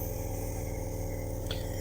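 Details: Nebulizer compressor switched on in a demonstration, giving a steady low mechanical hum as it turns liquid medicine into mist delivered through a mask; a regulator adjusts the speed.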